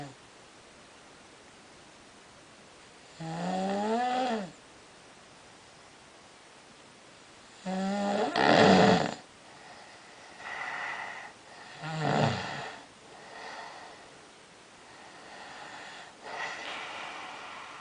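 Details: Snorer with sleep apnea recorded at 3 a.m.: loud rattling, groaning breath noises in bursts with quiet pauses between; snoring.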